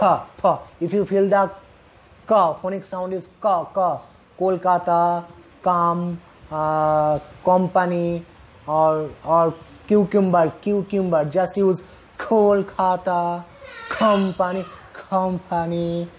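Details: Stuttering in a male speaker who says he himself suffers from stuttering and presents techniques to reduce it.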